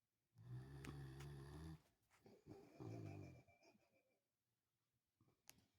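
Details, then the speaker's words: Pet dog asleep, snoring away; two long, deep rumbling snores with quieter breathing between. Snoring. "Jeepers creepers. Pally snoring away. Okay."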